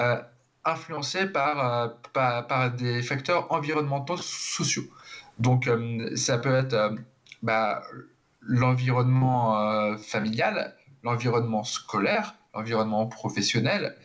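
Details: Stuttering in an adult who stutters, speaking French in a TV interview.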